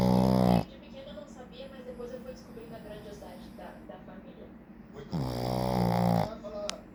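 Two loud, rattling snores from a small dog, separated by a quiet gap, with television talk faintly in the background. Ordinary snoring.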